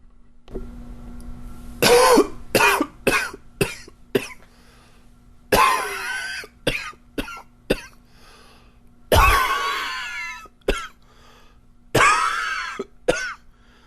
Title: coughing 23